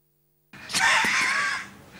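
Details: Adult male non-smoker harmed by other people's tobacco smoke, who has lost his voice and can barely be heard; severe dysphonia (near loss of voice).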